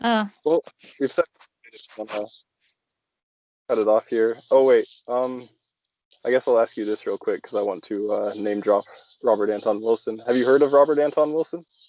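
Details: Adult male speaker in conversation; no speech disorder.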